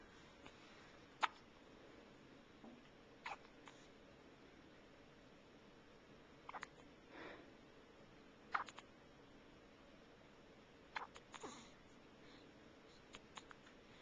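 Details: An infant hiccuping, recorded with a Flip Video camcorder: brief, sharp hiccups recurring every two to three seconds in a quiet room, with soft vocal noises.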